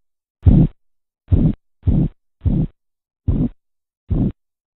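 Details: Korotkoff sounds heard while measuring blood pressure: six low, dull tapping thumps at about 70 a minute. Korotkoff sounds.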